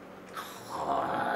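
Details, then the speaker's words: Dog snoring loudly while lying down. The owners remark on how loud it is and note that the dog seems to breathe with difficulty and has almost no nose (very short muzzle). "duydun mu dedim ya yarışıyoruz biz ay Evet ya o nasıl bir horlama"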